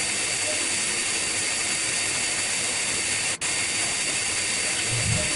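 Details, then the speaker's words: High-speed dental handpiece with fissure bur held perpendicular to the occlusal plane, steady high-pitched whine with hiss and one brief dropout, cutting the outline along the fissure of a Class I amalgam cavity in a lower first molar. "the burr is held also perpendicular to the occlusal plane inside one of the holes and then we move it along the fissure to the other hole"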